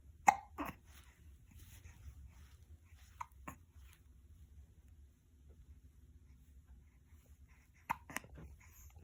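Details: Baby with hiccups: several brief, sharp hiccup sounds, irregularly spaced over several seconds, quiet room noise between. Infant hiccups.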